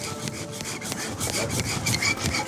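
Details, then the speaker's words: Rapid rhythmic rasping strokes as a wire saw cuts through the sharp overgrown tusk of an anaesthetised 220 kg farm pig whose tusks are so big it can't eat. "the key here is just getting the wire in around this task and getting initial cut because this doesn't really work that well"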